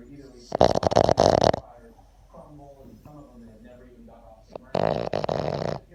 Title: The snoring boston terrior